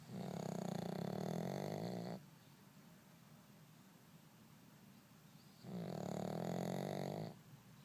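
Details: Two long, loud rattling snores about four seconds apart with quiet breathing between; snoring.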